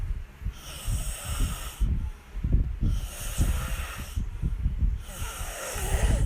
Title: Caught on camera snoring..